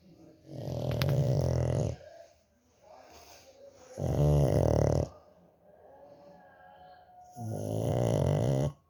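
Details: Sleeping dog with loud, rattling snores on each breath, about three in nine seconds, and quieter breathing between them; snoring.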